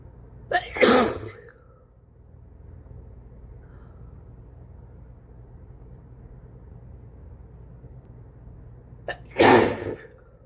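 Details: Person with a cold sneezing repeatedly: two forceful sneezes several seconds apart, each with a quick in-breath, in a quiet room, with ongoing uncontrollable sneezing.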